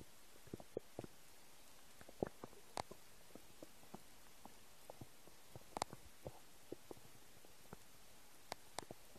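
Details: Noises of an empty stomach: scattered soft gurgles and pops in a quiet room; ordinary bowel sounds (borborygmi).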